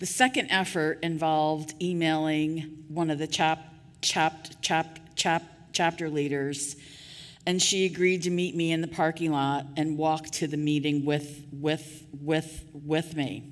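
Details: Adult woman with real stuttering speaking at a 2023 stuttering association conference keynote; part-word and word repetitions audible; stuttering.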